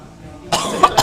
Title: Lucu latian pakai vape / vapor sampe batuk bikin ngakak